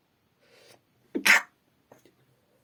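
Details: Sneezing at night, female: faint breathy intake, then one sharp explosive sneeze with a brief trailing sound.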